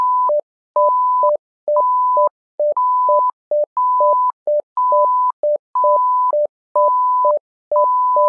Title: SimMon simulated patient monitor